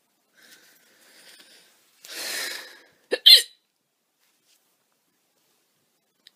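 Faint breathing, a soft breath out, then a sharp, abrupt voiced catch of breath; a single loud hiccup.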